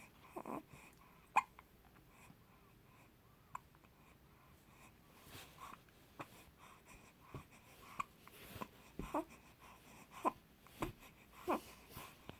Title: Little yummy pants with hiccups